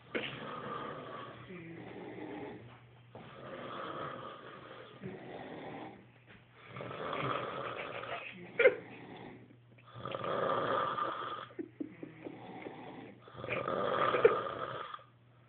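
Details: Snoring: loud, rattling snores in long rhythmic bursts roughly every three seconds, with brief quiet gaps between.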